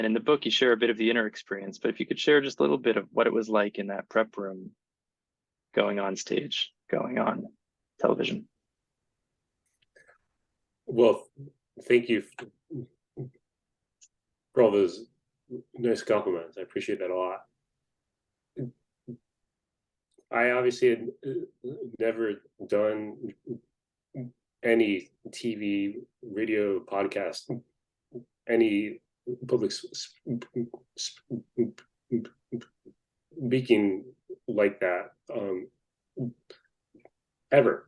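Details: Adult person who stutters, speaking in a podcast interview; stuttering.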